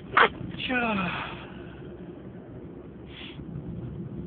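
A short, sharp sneeze burst, then a falling whine-like sound and a fainter second burst over steady background noise.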